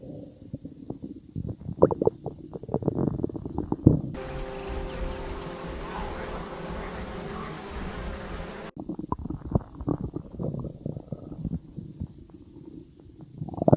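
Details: Low, bubbling gurgles and rumbles from a person's belly as gas and fluid move through the gut: stomach growling (borborygmi).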